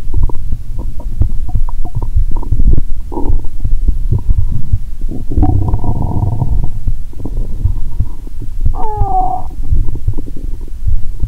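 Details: Bowel sounds (borborygmi) heard by stethoscope, sleepy: continuous watery gurgling and bubbling with occasional squeaky tones; stomach sounds audible even near the heart.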